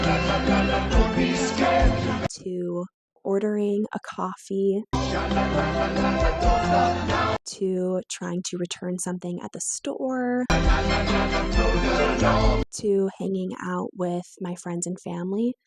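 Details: Young woman with moderately severe adductor spasmodic dysphonia beginning at age 16-17, with vocal cord spasms especially on vowels, voice breaks, raspy quality and difficulty projecting: adductor spasmodic dysphonia.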